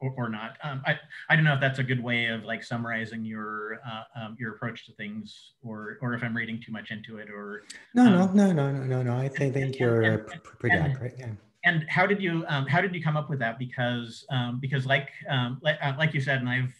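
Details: Adult man who says he has cluttering, a fluency disorder, speaking conversationally in an interview; cluttering.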